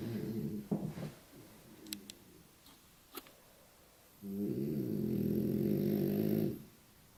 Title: Snoring Rocco